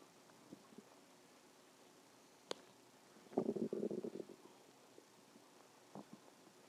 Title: stomach growling 3